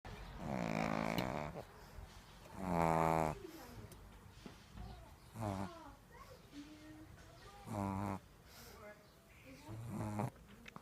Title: My pug love snore